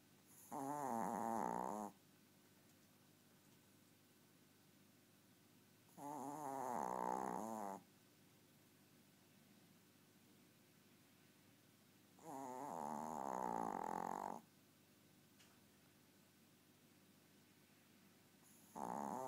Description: Dobby is 4 years old and really tiny... except for his snoring!